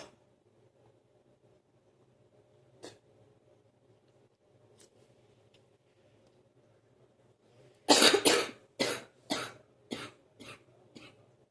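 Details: Productive morning cough, lasting about 45 minutes each morning: a run of about seven wet, loose coughs after a quiet stretch with a faint background hum.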